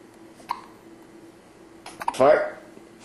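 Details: Quiet room with a faint soft click, then a short sharp gulping hiccup from a 2-week-old baby during a bout of repeated hiccups.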